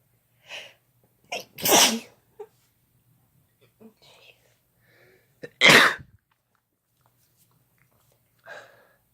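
Two loud explosive sneezes, each with a brief intake before it, plus a few softer sounds between and after.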